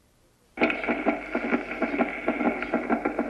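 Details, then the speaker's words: Regular, evenly repeating normal first and second heart sounds in a pregnant woman, with a thin, hissy recording quality. "de todos modos El ruido que coincide con el pulso es el primero escuchémoslo en una mujer"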